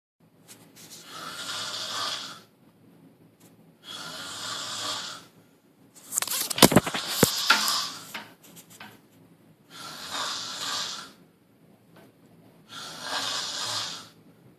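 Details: Person snoring heavily: loud, harsh, rattling snores about every three seconds, five in all, one louder irregular snort midway.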